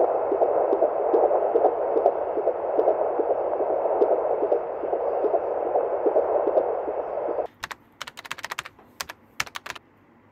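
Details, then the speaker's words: Fetal heartbeat on a home Doppler in an IVF pregnancy after loss of twins from a triplet pregnancy: rapid, regular whooshing pulses about 145 per minute, then handling clicks. "I had an appointment today, so I checked my first heart rate before I left"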